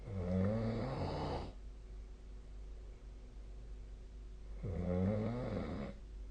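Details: Snoring during sleep, recorded with the SnoreLab snoring app: two loud, rattling breaths in with a quiet pause between, against a steady low room hum.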